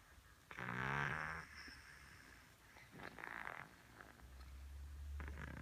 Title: Snoring cat